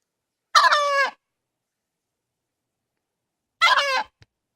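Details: Cough in a BR hen, present for several days, with other hens in the pen unaffected: two brief, honking, cough-like squawks about three seconds apart. The owner wonders whether something is stuck in her throat or esophagus.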